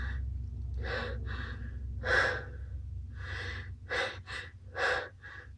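About eight quick, breathy gasping inhalations in a row as a sneeze builds. Gasping breaths before a sneeze.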